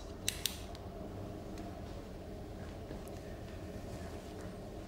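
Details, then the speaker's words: TV drama scene, not a real patient: adult woman having a biopsy after a hematologist referral, two quick sharp clicks of a spring-loaded biopsy needle device over quiet room noise. "I'm about to make the incision just try to relax you won't feel any pain you hear a clicking sound like this"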